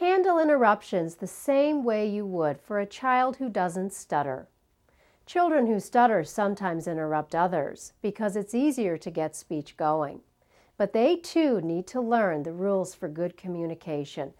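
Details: Adult female narrator; normal speech.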